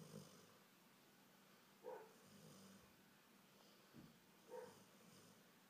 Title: Golden Retriever Faith Snoring